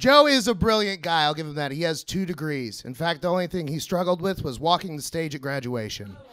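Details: Adult male speaker; normal speech.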